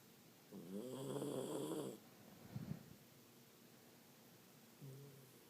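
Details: Miniature pinscher snoring: two soft, buzzy, tonal breathing sounds in a quiet room, typical of a small dog snoring.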